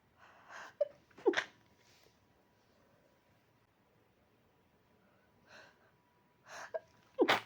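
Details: Person needing a big sneeze but forced not to: two sneezes, each preceded by gasping in-breaths, with a faint steady tone in the background.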